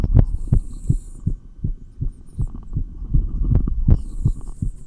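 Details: Real heartbeat recorded through a stethoscope while exercising with 20 lb dumbbells: fast, steady beats at about 160 per minute; rapid heartbeat during exercise.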